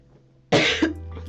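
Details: Female streamer who is ill: a single abrupt cough with a short follow-up burst, against faint background music.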